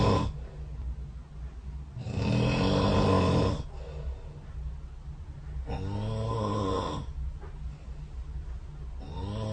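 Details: Recorded overnight by the SnoreLab snore-tracking app running beside the bed: irregular loud, low, vibrating snores alternating with noisy breaths over background hum during sleep: snoring.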